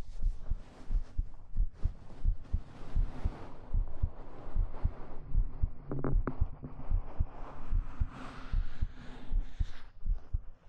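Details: Simulated ASMR hug roleplay recorded with a 3Dio binaural microphone, with fabric and stroking sounds: a steady normal heartbeat heard close up, as if held against the chest.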